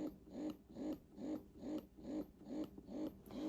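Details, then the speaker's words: Wearable electric breast pump (Momcozy S12 Pro) running in expression mode, used by a mother still breastfeeding; quiet, regular soft whirring pulses at about 140 a minute. "This is one of the quietest pumps I have personally ever used, and I've used a lot, like I've mentioned."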